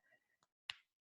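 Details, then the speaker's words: Single sharp click, with a smaller one just before it, from a mid-50s woman's shoulder, broken 25 years ago, during seated chair-yoga elbow circles with head nods; joint clicking (crepitus). "can you hear my shoulder clicking that's the one i broke 25 years ago"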